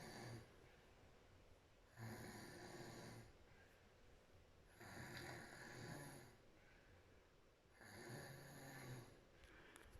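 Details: Adult woman snoring in deep sleep with her mouth wide open, heard with the door closed amid household noise: rough, rattling snores on each breath in, about four in ten seconds, with quieter breaths out between; ordinary snoring.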